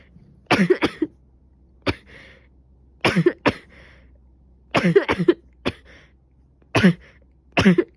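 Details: Repeated coughing in pairs and triplets, about a dozen coughs in eight seconds in a quiet room, from someone who suspects a cold after waking with a stuffy nose, sneezing, severe headache and later a fever.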